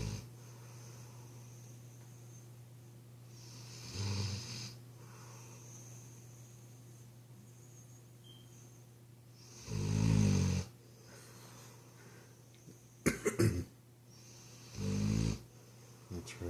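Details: Snoring from Rosie, a mastiff, asleep at 2 a.m.: three low rumbling snores spaced several seconds apart in a quiet room, a slow sleeping breath rhythm.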